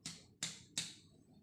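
A single sharp, hollow percussion tap, then a voice begins speaking; a tympanic note on abdominal percussion.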